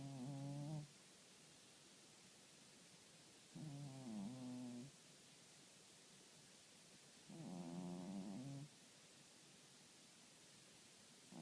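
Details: Snoring during sleep: three drawn-out, voiced snores, about 15 a minute, separated by quiet pauses.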